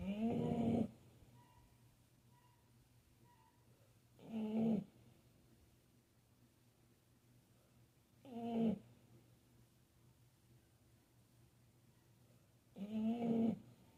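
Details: Nala, snoring extremely loudly; loud rumbling snores recurring about every four seconds, roughly 15 a minute, with quiet gaps between breaths: snoring.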